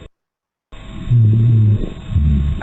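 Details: Breath sounds in a lung auscultation class: crackles with superimposed rhonchi, as heard in heart failure.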